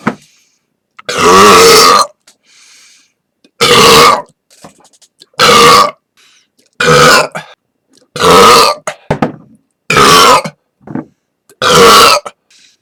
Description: This is my official Burp Compilation for November 2012.